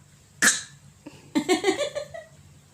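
A sharp explosive burst, then a run of short hoarse honking sounds, consistent with coughing.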